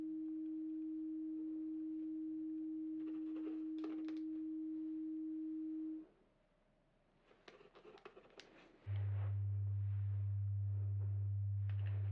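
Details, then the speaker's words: Simulated pure tone audiometry in a soft-spoken hearing-test role-play: steady mid-pitched then low pure test tones with a quiet gap, played through headphones to different ears while the listener raises the hand on the side heard. "just anytime you hear a tone whichever side you hear s your hand on that side okay"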